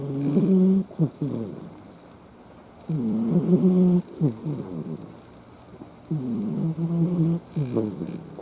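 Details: Cat, formerly a stray, snoring loudly while asleep: rhythmic buzzing snores over three breath cycles, each with a rattling, whistling quality.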